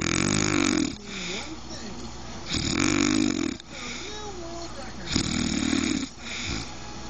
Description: Wife Snoring